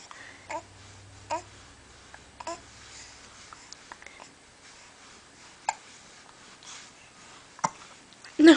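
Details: Infant hiccups: soft babbling interrupted by several brief, sharp catches in the breath, in a quiet room.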